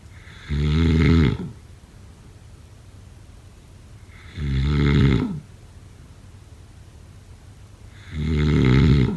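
Three loud, low rumbling snores on inhalation, about 16 a minute, with quiet breathing between them: snoring during sleep.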